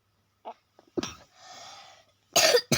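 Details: A child who is sick coughing while recording a game review: brief coughs and throat-clearing with breathy exhales, then two louder harsh cough bursts.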